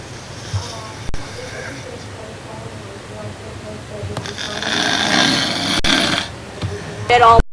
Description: Dad always said he didn't snore _ see, he was right